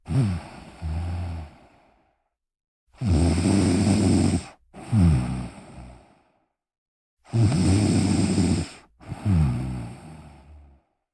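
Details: An adult snores loudly while relaxing, with rough snoring on each breath in and out at about 14 breaths a minute.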